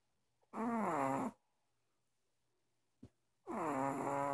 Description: My dog snores and snores and he eventually wakes up